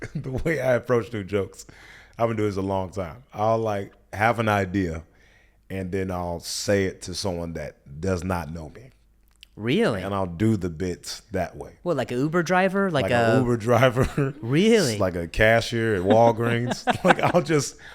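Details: Adult man speaking; typical speech.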